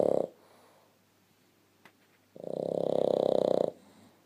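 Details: Sleeping Boston Terrier, lying nose to nose with a blue Staffordshire Bull Terrier, gives two rattling, purring snoring breaths separated by a quiet pause; ordinary sleep snoring.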